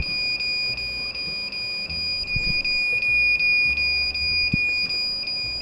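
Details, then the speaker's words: Cold plasma device: steady high-pitched beeping, about 160 beeps a minute, sounding only while the device tip is active; normal operating activation signal. "So what you hear, this beeping, is when it beeps only when the tip of the device is on."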